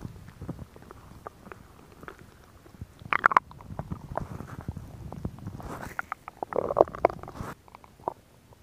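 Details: Woman's stomach sounds recorded for ASMR: irregular gurgles, squelches and low rumbles with a longer growl late on; ordinary stomach growling (borborygmi).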